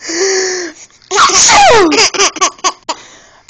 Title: baby laughing at sneeze